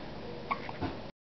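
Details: Baby boy held by his mother, passing stool, having hiccups: two short, abrupt catches of breath about a quarter second apart over faint room noise.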